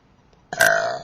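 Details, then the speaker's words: Person deliberately trying to make big burps, which they say hurts: one loud, drawn-out burp of about half a second after a quiet start, judged "just medium"; intentional belching. "Isn't big at all, it's just medium."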